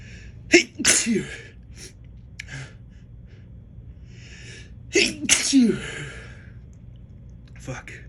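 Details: A person who has been feeling allergic lately sneezes several times in two bursts, with false starts; each sneeze has a sharp inward breath before the forceful explosive release.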